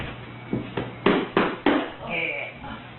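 Several dull thumps in quick succession from a spinal adjustment thrust, with room noise and a voice at the end.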